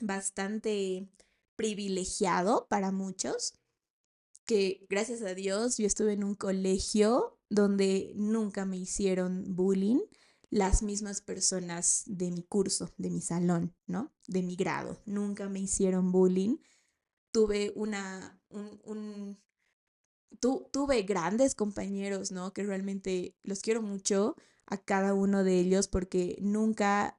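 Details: 28-year-old woman, a speech-language therapist, who has stuttered since age 4; speaking Spanish; stuttering.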